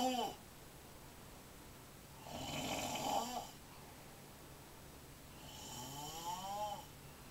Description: The most annoying/weird snoring sound ever.